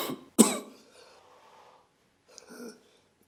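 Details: Cough: a single sharp cough burst with a short fading tail, then a softer brief sound; an isolated cough.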